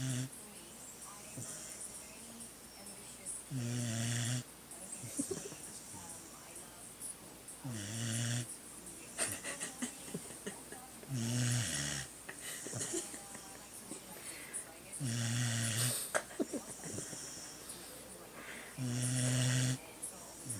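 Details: Sleeping Beagle snoring: rhythmic low, rumbling snores with each breath, about 15 a minute, in a quiet room.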